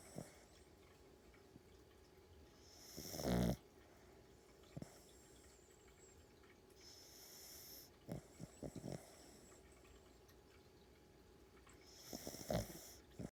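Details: Sleeping dog snoring loudly: a few louder snorting snores and small clicking breath sounds in a quiet room.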